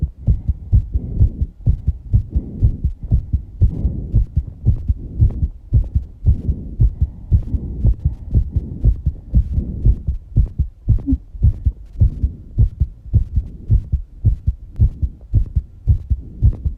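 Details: Heartbeat recorded after exercising, with heavy breathing: a strong, fast, thumping heartbeat of roughly 110 beats a minute with breathing noise behind it; a quickened pulse after exercise.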